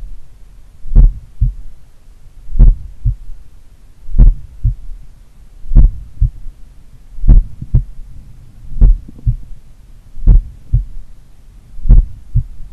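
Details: Self-recorded mitral-area auscultation of a person in regular daily cardio training, recorded in the morning: slow steady heartbeat near 39/min with a slight S3, a faint extra low thud after the second sound.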